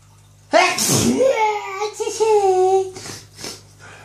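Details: A single loud explosive sneeze followed by a long, loud, voiced cry-like tail and short breaths, with a steady hum behind; his usual Friday-night sneezing.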